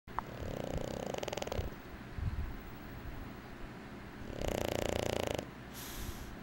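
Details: Two long, buzzing, fluttering breath sounds with a quieter pause between; snoring.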